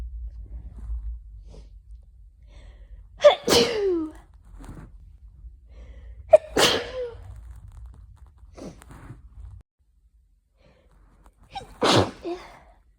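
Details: Afternoon sneezing fit from hay fever: three forceful sneezes in about 13 seconds, each preceded by a sharp intake of breath.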